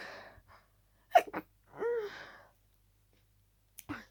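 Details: Single sneeze within a harsh, rapid sneezing fit from a cold, barely any breath between sneezes: a quick in-breath, a sharp sneeze, then a strained, moaning exhale.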